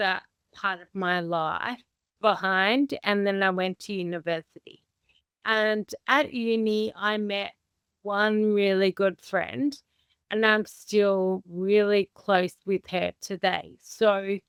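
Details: Adult woman with Friedreich's ataxia, a rare inherited progressive condition damaging nerves and muscles, diagnosed at 17, with unsteady walking and self-reported slow speech; ataxic dysarthria.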